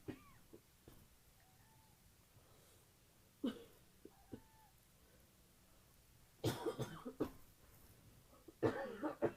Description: I recently came down with the cold. This cough is pretty painful and there is some nose blowing.